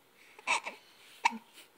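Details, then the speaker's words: Smiling baby boy with hiccups while cooing: two short, abrupt voiced hics about a second apart: infant hiccups. "oh you have hiccups you're still smiling you're still smiling you have hiccups oh those takers make you mad yes"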